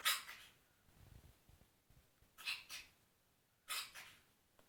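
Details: Dog coughing again, worrying owner: three harsh, forceful coughs spaced over a few seconds.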